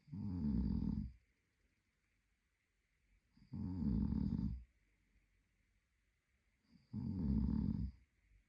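Three deep, rattling snores on breathing in, spaced about three seconds apart with silence between; ordinary sleep snoring.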